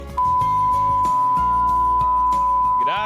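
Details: Tinnitus simulation: a steady, unbroken high whistle over background music, imitating the constant ringing in the ears of tinnitus.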